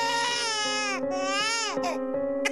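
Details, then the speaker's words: Infant crying in long, rising-and-falling wails over a steady musical tone, from an educational piece on Shaken Baby Syndrome and coping with a crying baby. "caring for a crying baby can be frustrating stress fatigue and short tempers are no strangers to parents"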